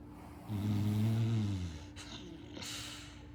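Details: Sleeping English bulldog puppy snoring: a single low, rumbling snore lasting about a second, then a soft breathy exhale, in a quiet room.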